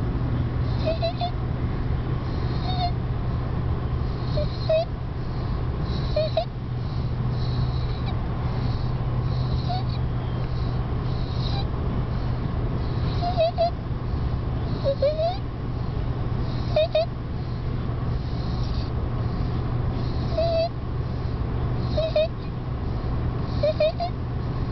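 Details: 2-year-old child with laryngomalacia: brief high, honking inspiratory squeaks recurring with breaths over a steady background hum; inspiratory stridor.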